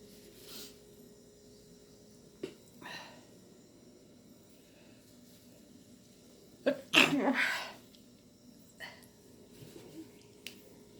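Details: Prolonged sneezing attack, person says they can't stop sneezing: one loud sharp sneeze with a small catch just before it, and faint sniffs and breaths around it in a quiet room.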